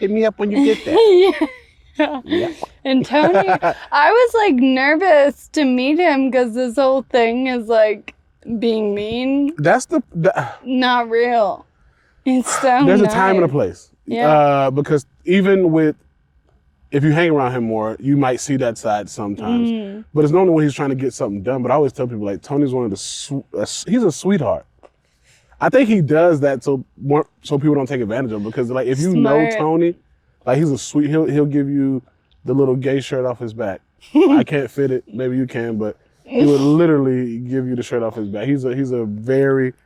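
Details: Ataxic dysarthria in a 28-year-old woman with Friedreich's ataxia, a progressive genetic disease diagnosed at 18; speech and walking changes were noticed around age 15. She uses a wheelchair and takes Skyclarys to slow progression.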